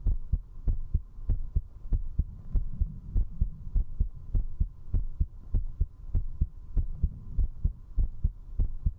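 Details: Heartbeat of a female Vtuber while drinking alcohol, recorded at zero distance with a 3Dio binaural microphone: strong, regular paired thumps at about 98 beats a minute over a low steady hum. Fast heartbeat after drinking alcohol.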